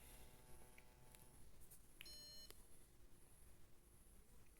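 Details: Brief electronic beep over quiet room noise from the MyoSmart wearable bruxism alarm during a test. It monitors masseter muscle activity and vibrates and beeps when activity exceeds the bruxism threshold: bruxism alarm beep.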